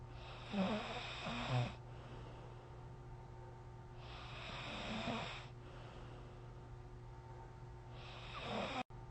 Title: How loud can my snoring go☺️